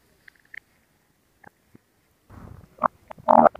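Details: Faint squeaks and gurgles, then louder bubbling rumbles toward the end, from the belly, recorded as relaxation ASMR: ordinary stomach growling (borborygmi).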